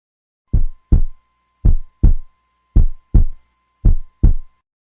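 Regular paired lub-dub thumps, about 54 beats a minute, with a faint steady tone behind; a normal heartbeat rhythm.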